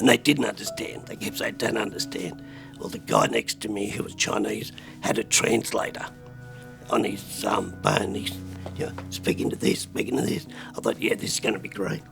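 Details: Adult man with spasmodic dysphonia at the peak of botox treatment; disorder forced a career change; spasmodic dysphonia.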